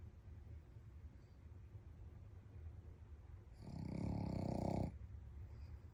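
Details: A sleeping Shih Tzu dog snoring, with gentle whimpers and dream sounds.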